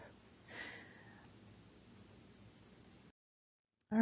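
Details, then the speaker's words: Child with whooping cough (pertussis): a single faint, high-pitched drawn-in breath, the distinctive inspiratory whoop of pertussis. "i have a um a video pulled up here um of what whooping cough sounds like in a child because it's it's pretty distinctive"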